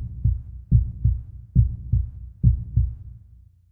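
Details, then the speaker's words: Deep, regular lub-dub pairs at roughly 70 beats a minute, the normal two-part heartbeat, illustrating heart sounds produced as valves close to prevent backflow of blood. "this whole thing repeats over and over and over again with every movement of the heart and this is what creates that heartbeat sound"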